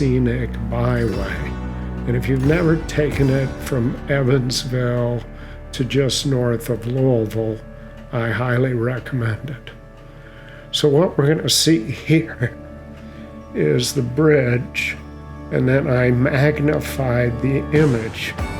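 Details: Adult male with mild essential tremor that also makes his hands unsteady; essential voice tremor.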